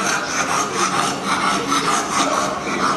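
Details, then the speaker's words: Stertor in a brachycephalic dog, discussed with heatstroke as a veterinary emergency: harsh, continuous rasping, sawing breaths with quick rhythmic surges. "ok a un certo punto si alza e agitato e respira male"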